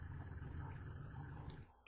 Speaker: Can you hear the dog snoring?